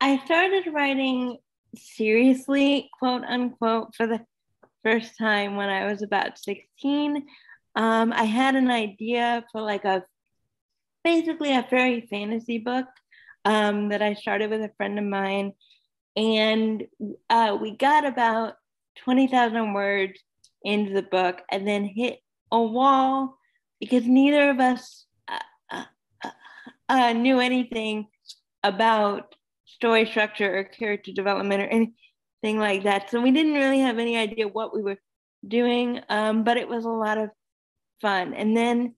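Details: Adult woman speaking; Normal speech.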